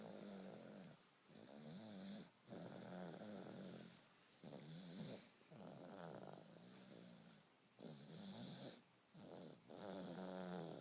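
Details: A sleeping baby snoring: steady soft snoring with a snorting, rattling quality on nearly every breath and short pauses between.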